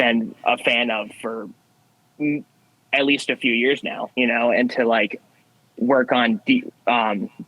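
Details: Young man who has stuttered since childhood, with a variable stutter, sometimes swapping words mid-sentence to avoid getting stuck; stuttering.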